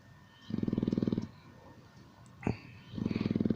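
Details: Old English Bulldog snoring loudly while asleep in his bed at night: rapid rattling, fluttering snores in bursts of about a second, separated by quiet pauses and a short snort; occurs every night for years.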